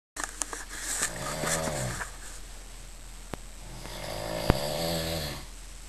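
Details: Overweight adult man asleep in a hostel bunk, audio only: two rattling, low snores on breathing in, with a quiet gap between them and faint clicks; snoring.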